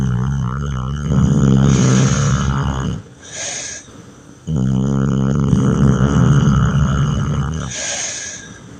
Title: BORING WALKING VIDEOS "Dahmer Snores"